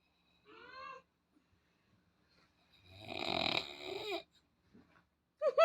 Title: Snoring be like.. 🤣🤣🤣